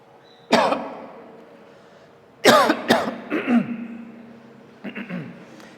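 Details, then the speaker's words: Adult man speaking in a quiet room, hoarse from singing: several short coughs and voiced throat clears; cough and throat clearing. "esa canción de Llévame me llevó a una afonía no"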